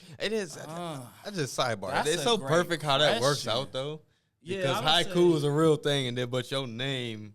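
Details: Adult man; ordinary speech.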